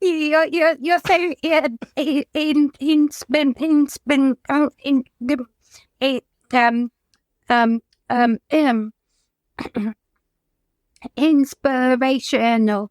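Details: Adult woman whose childhood stammer recurred during lockdown after the trauma of losing her mother to suicide; blocks and repeated fillers; stuttering.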